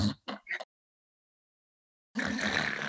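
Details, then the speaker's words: Imitated snoring with obstructive sleep apnea: two short snorts, a silent pause of about 1.5 seconds when breathing stops, then a long harsh gasping breath as breathing resumes. "and then you go back to breathing. That is an apnea. That means that during that time period where a person is snoring and you hear them just go silent, they're not breathing."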